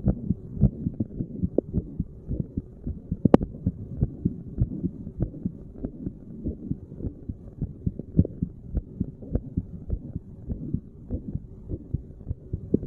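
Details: Regular low lub-dub resting heartbeat of a sitting adult, recorded at a random chest spot, with some rubbing noise; normal heart sounds.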